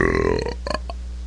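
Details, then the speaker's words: Kid's voluntary burp with an upset stomach and tiredness: a short, deep, croaking burp that fades out with a few small bursts, shorter than usual. "I'm just really tired my stomach's upset usually I can burp a lot longer I'll make another video of me burping too see how many hits I get"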